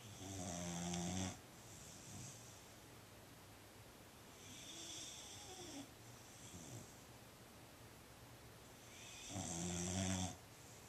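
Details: Fostered female Boxer dog snoring while asleep: loud rumbling snores with noisy hissing breaths in between, typical of a short-nosed dog.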